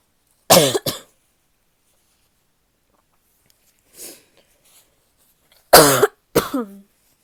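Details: Female coughing, in a recording that also has sneezes and nose blowing toward the end: two pairs of short, forceful coughs separated by a quiet pause, with a faint breath between.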